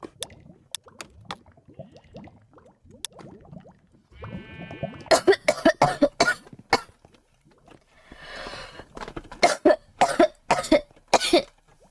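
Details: Girl who says she has been unwell with a cold and a persistent cough that won't go away: repeated short, dry coughs in two bursts with throat clearing between, quiet background; cough.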